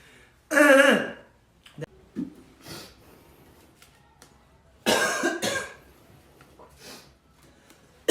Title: Coughing